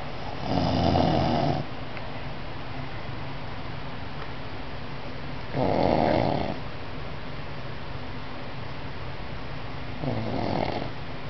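Three rough, rumbling snores roughly every five seconds, about 12 a minute, over steady background hiss: snoring.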